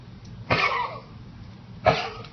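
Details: Rescued shelter dog with severe heartworm disease and severe valvular heart disease, untreated for 6 weeks: two harsh, hacking coughs about a second and a half apart against quiet room noise. Canine cough.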